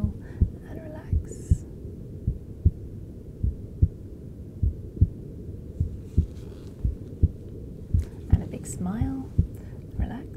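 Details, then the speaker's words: Adult male patient's heart heard with a handheld device near the end of cosmetic facial injections; steady, quick, forceful thumps over faint room noise and brief tones; stress-driven sinus tachycardia from fight-or-flight adrenaline response. "body is getting ready to fight or flight which he may well do but essentially that's the release of adrenaline cortisol your stress levels are going up and it allows for the heart to contract harder contract faster enabling you to run away or to deal with the situation and fight back"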